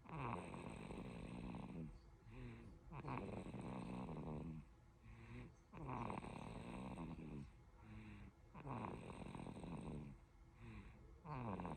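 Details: Tired 5-month-old baby snoring on both breathing in and out, about 22 breaths a minute, with a rattling, buzzing quality.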